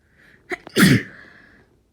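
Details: Forceful, unstifled, non-induced sneeze during a cold: short catching breaths, then one explosive sneeze fading into a trailing exhale.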